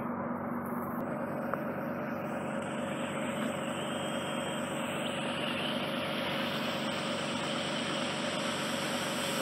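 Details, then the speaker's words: Endoscopic ear wax suction in a regular client's impacted ear, using a fine, lower-power suction tube near the eardrum for comfort; steady hissing, rushing suction with a faint whistle deep in the narrow canal. "it's going to go in with a different instrument because we're approaching the ear drum this is a fine and it's less suction power so just make it a bit more work on my part however it's more comfortable in your ear actually"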